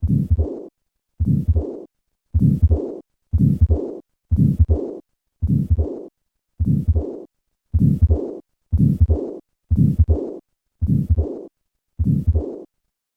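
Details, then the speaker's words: Patient after operative repair of tetralogy of Fallot: regular heartbeat about 60 a minute, each beat followed by a to-and-fro murmur of pulmonary stenosis and regurgitation. "listen to the murmur of pulmonary stenosis and regurgitation in a patient status post-operative repair for tetralogy of hello"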